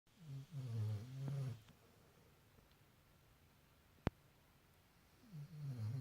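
Soft, low, fluttering snore on the in-breath, a quiet pause, then another snore; a single sharp click in between.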